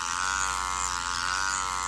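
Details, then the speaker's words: Steady high-pitched buzz of a microneedling pen during a PRP vampire facial; blood comes off the needles and more PRP is applied over the skin to absorb. "so this is really why it's called a vampire favorite so this is the blood coming right off of like the needles and stuff"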